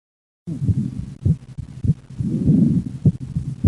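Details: Paradoxical (reversed) splitting of the second heart sound in left bundle branch block: S1–P2–A2 split heard on breathing out, single S2 on breathing in; low, regular heart sounds.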